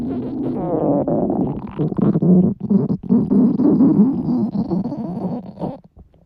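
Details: Loud, drawn-out gurgling and rumbling from a girl's hungry stomach, with wavering pitch and bubbling pops, fading at the end: hunger stomach growling (borborygmi).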